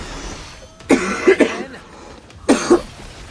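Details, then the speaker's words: Adult, sick despite cough syrup and cold medicine, with a voice affected by illness: hacking cough. "So you can take all the Robitussin, you can take all the goddamn NyQuil you want, but it doesn't fix the fucking issue, man."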